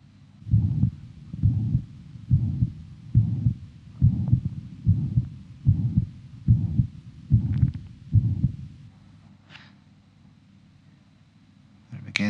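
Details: Young man with mitral valve prolapse, stethoscope at apex then followed to axilla: pansystolic murmur of mitral regurgitation, regular ~70/min, small gap after first sound, heard well in axilla, no radiation to neck.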